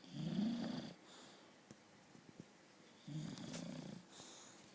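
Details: British bulldog snoring while asleep: two loud, low, rattling snores about three seconds apart, each followed by a softer breath out.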